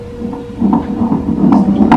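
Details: Rapid rhythmic whooshing pulses of one twin's fetal heartbeat at a 25-week ultrasound in an IVF twin pregnancy, about 148 beats a minute, within the normal fetal range.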